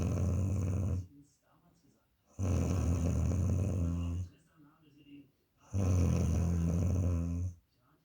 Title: my girlfriend snores very loudly sleeping feet snoring